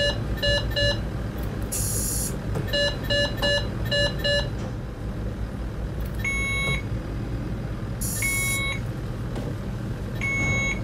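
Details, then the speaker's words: Simulated Alaris PCA/end-tidal CO2 module training: repeated fast triple beeps and alarm bursts as patient's respiratory rate falls and end-tidal reading dips below set limits, triggering PCA pause protocol alarm stopping continuous infusion. "a pause protocol, the patient did not come up enough and recover enough because it dipped below the settings that were set in the end tidal module."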